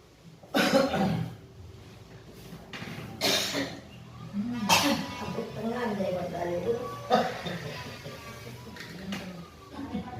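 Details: Several harsh coughs with throat clearing, over room noise and background music, at an alternative acupressure treatment session; cough said to bring up blood.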